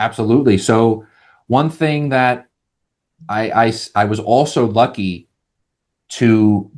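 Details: Adult man who has stuttered all his life, managed with speech techniques such as the airflow technique after speech therapy; stutter shows as vocal cord blocks; this stretch has repeated words; stuttering.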